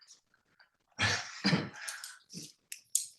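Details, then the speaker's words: An adult with about 18 months of long COVID and a hoarse voice gives two harsh coughs, then a rougher throat-clearing rasp, in a quiet small room. "I've had long COVID, so sorry. yeah, almost 18 months of yeah. Oh, geez. So that's why my voice is shot."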